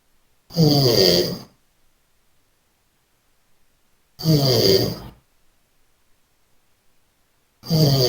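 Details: AJ snoring heavily while sleeping: very loud, harsh fluttering snores about every 3.5 seconds, separated by near silence, in a quiet room.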